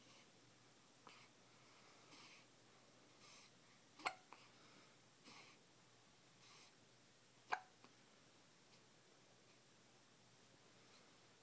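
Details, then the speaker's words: Two-week-old infant with hiccups: soft, brief, jerky catches of breath recurring every few seconds, about 17 a minute, in a quiet room. "So I just ate breakfast. Now I have the hiccups."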